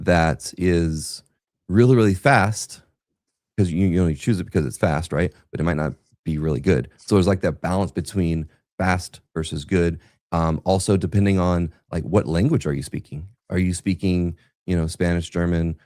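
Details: Adult male speaker; no speech disorder.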